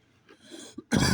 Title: coughing